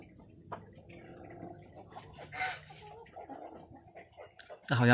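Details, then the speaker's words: Soft, low, rumbling snore-like purr, apparently from the black hen in the middle, among laying hens dust-bathing; a contented hen vocalization. "好像是中间那一只黑色发出的声音，这个要鸡很快乐的时候才会发出的声音。"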